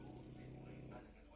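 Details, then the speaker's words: Quiet, steady, low rumbling buzz heard faintly in a room during a live stream: a dog snoring, which briefly stops and then starts up again. "Ah bah super! J'ai mon chien qui ronfle. Vous voyez, ça, c'est les aléas du live."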